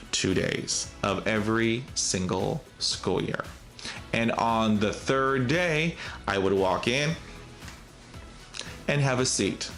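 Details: Adult man who has stuttered since childhood; stuttering.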